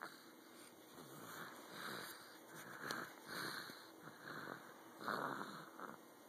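Soft, rasping breaths recur every second or so through steady room hiss, a low, fluttering snore.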